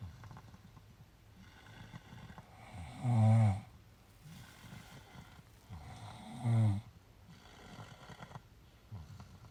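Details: Two sleepers out after a long walk: two low, rattling snores about three seconds apart over quiet breathing and faint room noise; ordinary snoring during sleep.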